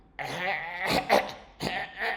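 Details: An adult imitates the constant croaking noise a child with severe convulsions makes: rough, throaty voiced bursts repeating in quick succession, deep and harsh like a frog or crow.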